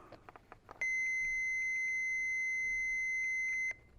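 A few faint clicks, then one steady high beep lasting about three seconds: a training defibrillator switching on before its voice prompts.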